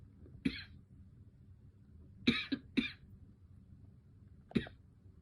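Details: Girl coughing: four short, sharp coughs, one single and a quick pair, then another single, in a quiet room.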